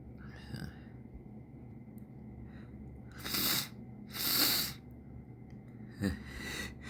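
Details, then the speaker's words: Coaxed sneezes: sniffing and gasps, then two sharp, hissing sneeze bursts and a smaller one, with sniffles. "Oh my god. Half a sneeze. Come on. Right there."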